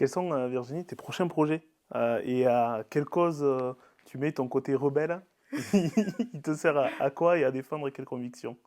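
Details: Adult; normal speech.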